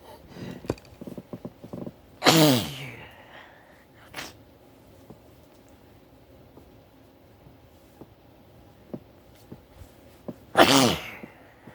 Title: sneezing fit